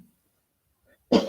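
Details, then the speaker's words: Adult speaker with a scratchy, allergy-irritated throat, not otherwise ill, during a meditation livestream: a single brief, loud cough or throat-clearing burst after near silence; cough / throat clearing. "I want to say you've heard me coughing and you can hear the scratchy throat I am well there's nothing wrong with me it's allergies"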